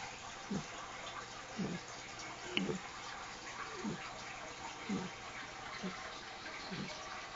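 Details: 10-week-old apricot Mastiff puppy snoring loudly: soft, rough snoring sounds about once a second, over steady bubbling fish-tank noise; snoring.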